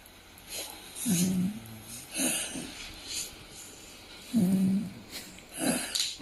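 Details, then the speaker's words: Sleeping dog gives snorts and rattling snores at irregular intervals, possibly his own snoring replayed from a tablet to try to wake him; he does not wake. Ordinary snoring. "So now I'm going to play his video and try to wake him up with his own snoring from the tablet."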